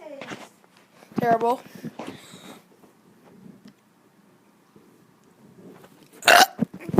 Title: Kid doing burps 11